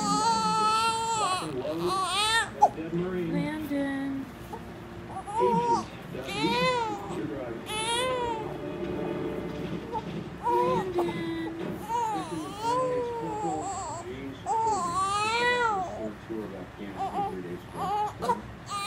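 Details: Infant crying during tummy time: intermittent fussy crying and whimpering, with some adult talk and music in the background.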